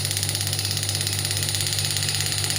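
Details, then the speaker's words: Biotronix pneumatic ESWT shockwave applicator fired on the demonstrator's hand at frequency up to 22 Hz while energy is increased: rapid, steady mechanical pulsing with a low hum. "You can see the variation in the frequency up to 22 Hz. So now I am increasing the energy."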